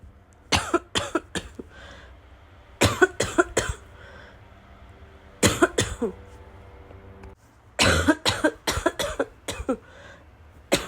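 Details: Girl with a wheezing chest gives repeated short, harsh coughs in bouts of three to six, building in intensity into a raw barking cough.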